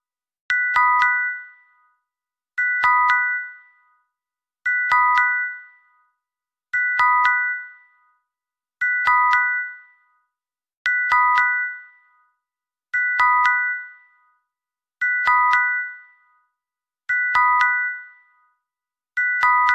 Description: • Black screen | Hospital electronic monitor machine beeping sound, chime, musical, 1 hour. ASMR